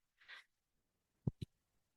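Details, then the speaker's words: Background sound of the speaker's own mechanical ventilator running during a spoken recording: one mechanical ventilator breathing cycle. "my name is and Mar that noise you're hearing a ventilator thank"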